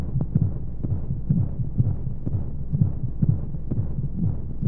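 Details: Womb-sound baby sleep aid: muffled whooshing low heartbeat thumps, about 80 a minute, under steady rushing white noise; heartbeat as heard in the womb.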